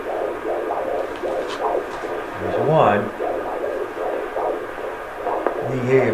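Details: Fetal heartbeats (brothers) heard on Doppler at a pregnant mother's doctor appointment with her young daughter present: rapid, regular whooshing pulses around 140 a minute with brief voices.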